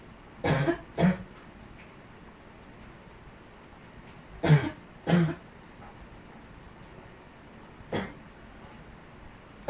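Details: Dog coughing: five short, harsh coughs in two quick pairs then a single cough; cough.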